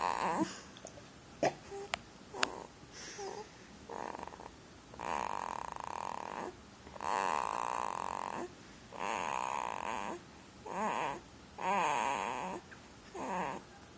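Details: Sleeping individual snoring: regular rattling snores on each in-breath, about every one and a half to two seconds, with quiet pauses between.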